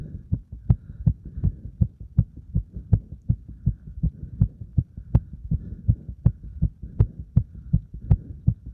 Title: バーピー後にディープスクワットで追い込んだ心臓の音